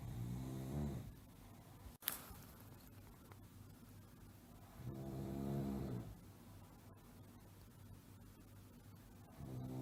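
Low rattling snores on breathing in, about three in ten seconds, with a click between them; sound-effect recording.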